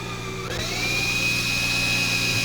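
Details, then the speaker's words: Loud power drill whine rising to a steady high pitch, drilling with a flexible bit through a drill guide toward the posterolateral safe zone for acetabular screws during hip replacement surgery. "Perforamos hacia la parte posterolateral, que es una zona de seguridad."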